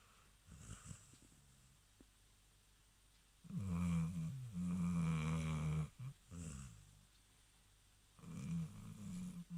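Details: Deep, rumbling snores from a sleeping rescue dog, a few breaths with a low vibrating tone on each breath; ordinary snoring.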